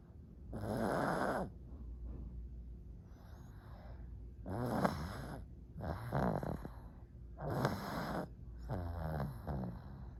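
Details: Pug dog snoring: repeated rough, rattling snores about every 1.5 to 2 seconds, roughly 30 to 35 a minute, with quieter breaths between; steady snoring.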